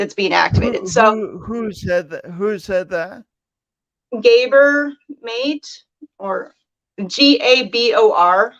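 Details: Male speaker who self-reports an audible speech impediment present whenever he speaks; stutter-like disfluency.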